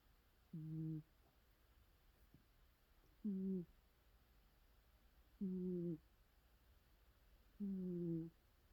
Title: cat sleeping snoring sounds 😴